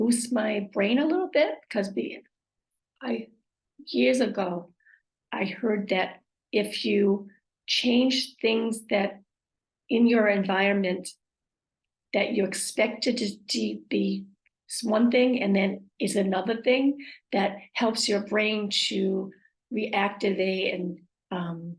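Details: Woman with aphasia, apraxia of speech and dysarthria acquired after a stroke; aphasia with apraxia of speech and dysarthria.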